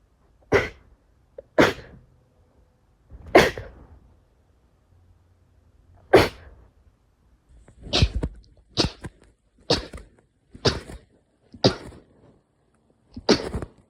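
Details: Sneezes 31 to 40: ten sharp, explosive sneezes at irregular intervals, some in quick runs, with a quiet room between.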